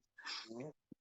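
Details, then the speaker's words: Female dog, whose owner guesses she has a deviated septum, gives one short, rough snort-like noise with a hissing start during a conversation; snore-like nasal snort. "I guess she has a deviated septum so that little snore you hear that's awesome I thought she was trying to talk right"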